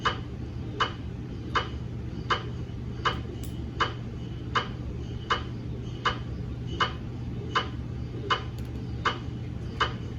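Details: MRI scanner gradient noise from a GE MRI system during a daily quality-assurance scan of a 150mm head TLT phantom: sharp regular ticks about 80 a minute over a steady low hum.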